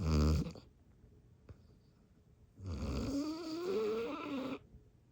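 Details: Dog in deep sleep giving two loud rasping snores, one low and rumbling, then a longer rattly one, with a quiet gap between; dog snoring.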